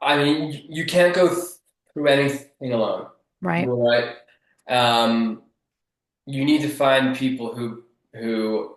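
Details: Adult man who has stuttered since childhood and still stutters; stuttering.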